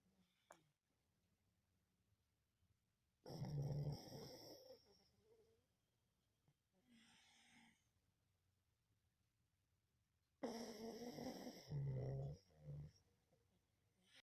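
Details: Dog snoring in sleep: deep rattling inhaled snores with quieter exhaled breaths between them.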